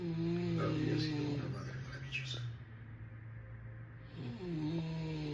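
Deep, rumbling snores with a humming tone, separated by a quieter pause between breaths; snoring.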